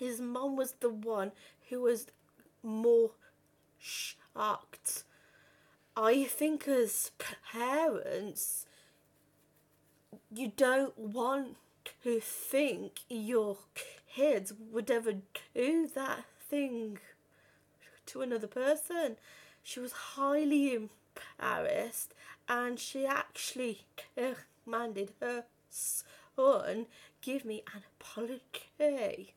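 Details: 32-year-old woman who has stammered since about age five or six, had speech therapy and breathing techniques at 15; stuttering.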